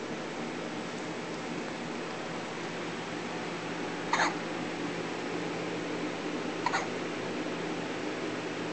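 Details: Baby girl with hiccups, as usual after feeding a lot: two brief, sharp hiccups about 2.5 seconds apart over steady room noise.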